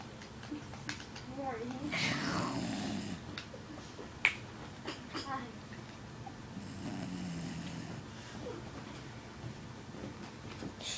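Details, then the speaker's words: Jack Russell Terrier dog snoring while asleep hugging yarn in a quiet room: soft rattling snores with a few clicks and a hushing voice; snoring. "just trying to get the loud snores. Shh."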